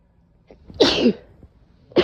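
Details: During a bout of painful barking cough: a quick inward breath, then a single forceful, hissing sneeze burst; one sneeze.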